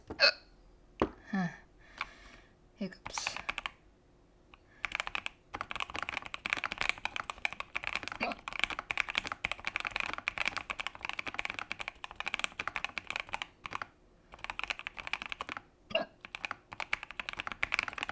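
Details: A few sharp hiccup gulps early on, then long stretches of keyboard typing; hiccups that kept coming despite breath-holding; hiccups.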